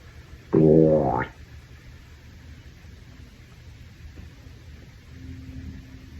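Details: Adult male's stomach growling after a shower: one loud, low gurgling growl under a second, rising in pitch at the end; hunger-related borborygmi.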